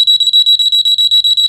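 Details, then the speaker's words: Bedwetting alarm with parental monitor: loud, shrill, high-pitched electronic alarm pulsing rapidly and steadily, triggered when the sensor in the child's underwear detects moisture; both child's-room and parents'-room alarms sound together. "to use the alarm turn them on place the sensor in the Char's underwear and when the sensor detects moisture both alarms will"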